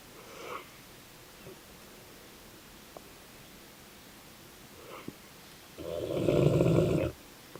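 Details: Sleeping Dogue de Bordeaux (French Mastiff): soft breathing noises, then one long, deep, rumbling snore; snoring.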